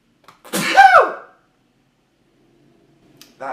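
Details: A single loud voiced sneeze from an adult man, with a short intake before it, then quiet; an ordinary sneeze.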